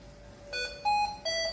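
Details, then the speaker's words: Hamilton C2 ventilator in a training demonstration sounding repeated electronic alarm tones of changing pitch: low tidal volume (VT low) alarm, alarm limit 231, triggered just after connection and expected to silence itself after a few breaths. "Ya, alarm VT low, kenapa VT low? Karena VT-nya terlalu rendah. Batas alarmnya berapa? 231."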